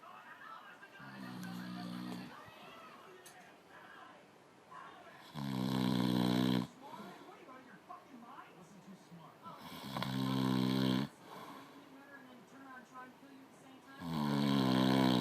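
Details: Man snoring at 4am: loud, deep, vibrating snores every four to five seconds, with quiet breathing and faint background talk between them.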